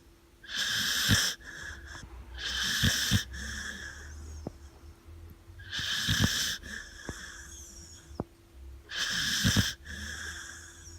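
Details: Loud rhythmic snoring, about 18 breaths a minute, rough noisy inhalations and quieter exhalations, from a sleeping Labrador x Blue Cattle Dog; steady background hum; snoring.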